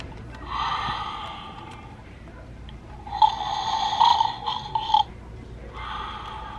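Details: Buzzy, tonal in-and-out snoring from a powered Snoring Santa Christmas ornament, an electronic imitation of snoring rather than a real sleeper.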